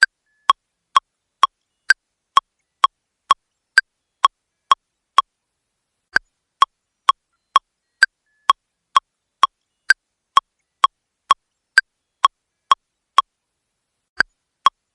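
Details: AED metronome in a training demonstration: regular sharp clicks at about 110 a minute, pausing briefly after each set of thirty, pacing chest compressions for five CPR cycles after a delivered shock.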